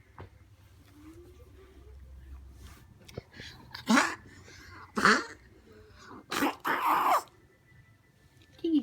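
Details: Pet dog or cat Tinky gives about four short, harsh cough bursts in a quiet room; owner says Tinky has a cold.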